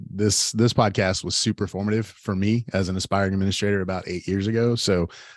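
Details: Adult male speaker; normal voice.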